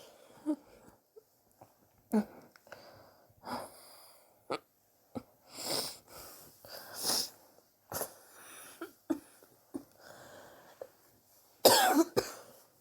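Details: Repeated short harsh coughs with wheezy, raspy breaths between; persistent cough over several weeks, self-suspected bronchitis, sore from coughing, chest X-ray planned to check for pneumonia.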